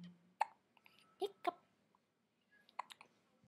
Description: One month old. The hiccups video.